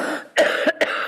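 Two short dry coughs from an adult in a room; coughing from asthma.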